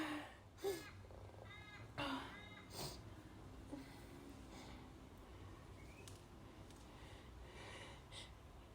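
Three sharp, harsh bursts of air come in quick succession, then fade into room noise. These are sneezes.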